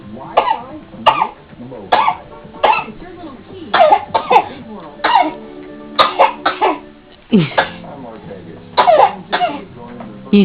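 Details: An infant in an exersaucer gives repeated short, voiced cough-like sounds, about a dozen in ten seconds, deliberately imitating a cough; a low background hum. Voluntary fake coughing.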